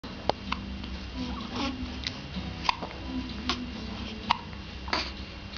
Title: got hiccups